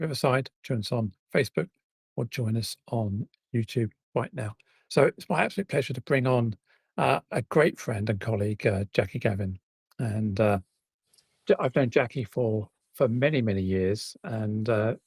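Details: Adult speaker; typical adult speech.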